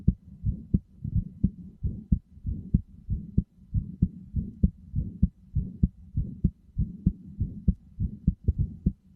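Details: Steady, regular low lub-dub heartbeat, roughly 90 beats a minute, over a soft continuous background hum; heartbeat sounds intended as a sleep aid, best heard with headphones.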